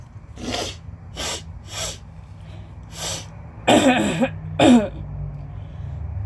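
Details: Several sniffs then two harsh voiced throat-clearing bursts during an allergy flare with nose blowing, coughing and wheezing; person reports no asthma but mild lung damage diagnosed in infancy.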